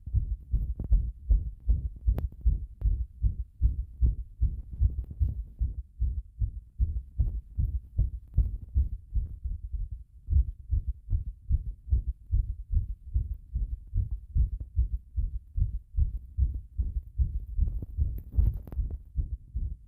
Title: 心臓の音 入浴後に圧迫